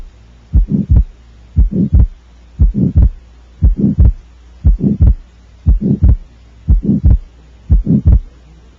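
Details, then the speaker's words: Atrial septal defect with a left-to-right atrial shunt, heard best at the left upper sternal border: regular heartbeat near 59 a minute, systolic murmur and widely split fixed S2. "you hear it best at the left upper sternal border there's a widely split fixed s2"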